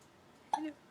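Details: Infant in early days of life: one brief, sharp catch of breath with a small voiced squeak in a quiet room, a single hiccup.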